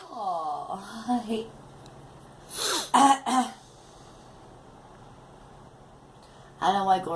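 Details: Girl coughing: a child's voice, then a quick run of three harsh coughs, then more talking in a quiet room.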